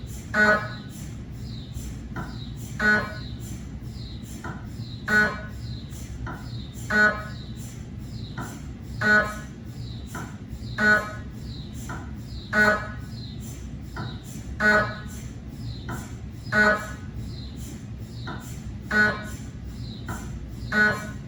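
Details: Cardiac MRI on a GE 3T scanner with an 8-channel cardiac coil and test phantoms, filmed in the MRI room: loud regular buzzing bursts about every two seconds over a steady hum; scanner noise.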